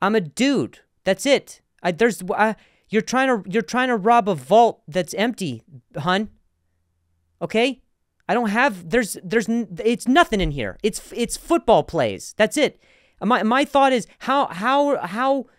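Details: Man who has stuttered for a long time and still sometimes does, with word and part-word repetitions heard: stuttering.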